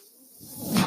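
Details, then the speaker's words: A quiet pause, then a rising airy whoosh as the speaker's own mechanical ventilator delivers a breath during his podcast recording. "my name is that noise here is my ventilator"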